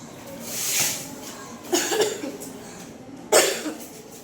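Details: Seventh-grade child gives a few short, harsh acted coughs in a school play about a cold and cough; the character got sick after drinking cold fridge water and has a sore throat.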